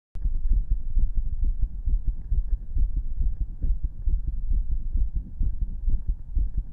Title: Listening to my visible heartbeat